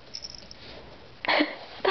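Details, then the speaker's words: Kitten named Brett Favre sneezing on command while the owner urges him to sneeze again; a single short, sharp nasal burst of air against quiet room noise; sneeze. "Come on, sneeze again. Bone and toes. Okay, that's enough. That's enough. I'm making him go crazy. Okay, come on. Sneeze again."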